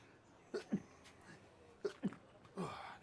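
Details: Three short, muffled bursts of a commentator trying to hold back a sneeze, against quiet room noise during a rowing regatta broadcast.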